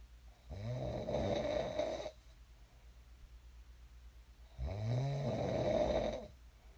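Two loud, rumbling snores on inhalation, about four seconds apart, with quiet breathing between them. Ordinary sleep snoring.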